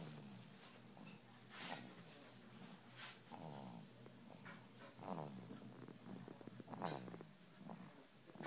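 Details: A person snoring in sleep; snoring.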